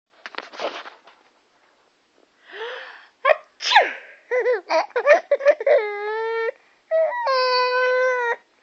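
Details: Mother gives a sudden, noisy, ordinary sneeze, and an infant answers with high-pitched giggles and long, delighted squeals.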